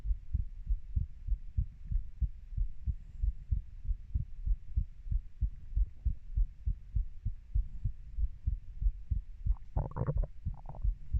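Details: Normal heart sounds of a 30-year-old, recorded by the person themself: regular soft thumping heartbeat at roughly 80 beats a minute, with a brief rustle near the end.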